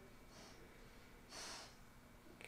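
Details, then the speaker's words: A sleeping puppy snoring, picked up by a Yeti microphone from across the room: faint, airy snorting breaths over quiet room noise. "you hear my puppy snoring oh well this Yeti microphone should just pick up a lot"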